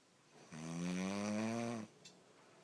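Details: Woman snoring in sleep: a single long, rumbling, tonal inhaled snore lasting just over a second in a quiet room.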